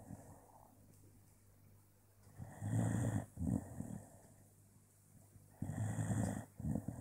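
Deep, rattling low snores in two bursts, each a rough inhalation followed by a shorter snort, with quiet breathing between.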